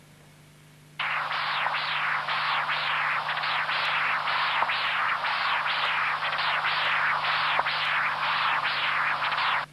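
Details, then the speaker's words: Continuous-wave Doppler from the apical position across the tricuspid valve in congenital severe tricuspid stenosis (area 0.9 cm², 16 mmHg gradient): rhythmic rushing flow sounds of severe regurgitation at 1.8 m/s and early diastolic inflow at 2 m/s. "The velocity of tricuspid regurgitation is 1.8 meters per second. The early diastolic tricuspid velocity is 2 meters per second, which represents a gradient of 16 millimeters of mercury."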